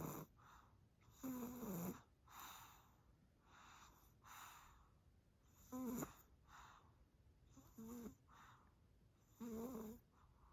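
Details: Tired sleeping baby snoring: soft, squeaky snores, about five noisy breaths in ten seconds, some with a whistling tone.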